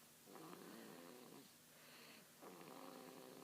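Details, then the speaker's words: A tired, sleeping baby girl after a long day, snoring gently: soft, rough, buzzing breathing sounds. "can't you hear that she snores it's been a long day today show tuckered out"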